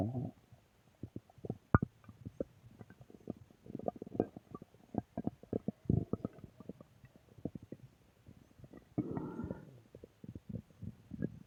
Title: Stomach Growl Audio 4